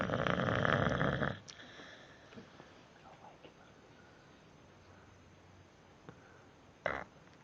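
One loud rough snore, then quiet breathing with small snuffles and a short snort; ordinary snoring in a sleeping dog.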